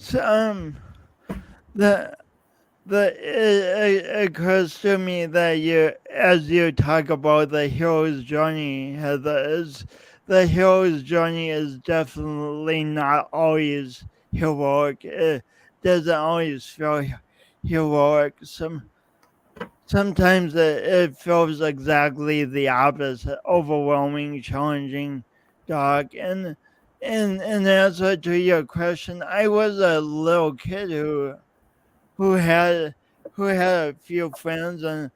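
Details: Man's real, lifelong speech impediment with coordination differences, self-described; speech impediment with disfluent speech.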